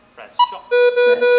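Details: DM7000 defibrillator monitor demonstration in AED mode on a simulated rhythm: short beeps while charging to 150, then a sustained ready tone prompting shock delivery; defibrillator charge-complete tone.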